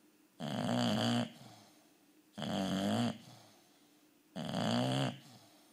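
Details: Bulldog snoring: three loud, rough, rattling snores on the in-breath, about 30 a minute, with quiet exhales between them.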